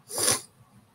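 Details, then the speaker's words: Single short hissing nasal sniff through a stuffy nose, followed by quiet, from an adult reader who says she is a little sick; nasal congestion. "hear that stuffy? Oh, wow. I was already a little sicky."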